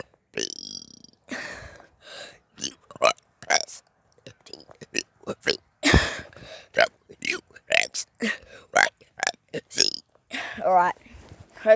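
Rapid string of short voluntary belches shaped into spoken letters, about one a second; deliberate burp-talking for play.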